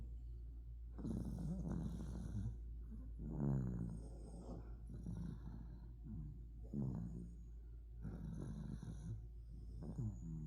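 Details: Snoring in an overweight dachshund.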